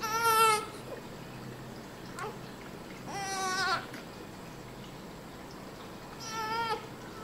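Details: Newborn baby just after birth, kept in NICU for observation: three short, high-pitched cries separated by pauses over steady room hum; an ordinary newborn cry.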